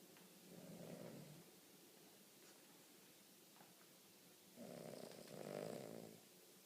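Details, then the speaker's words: A sleeping King Charles Cavalier dog gives two soft, rumbling snores a few seconds apart, each a drawn-in breath with a low fluttering rattle; snoring. "Daphs, wakey wakey. You're snoring."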